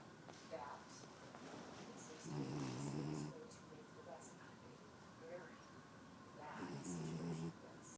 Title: Upside Down Snoring - (Desi the French Bulldog)